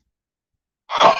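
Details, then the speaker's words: Person with dust allergies, handling old pulp-paper books that make them sneeze, gives one abrupt, forceful sneeze after near silence. "them the one drawback of having dust allergies and being around old books some of my books make me sneeze i found out that a lot of whitman books make me sneeze because they use this really pulp paper that's just like rag pulp paper"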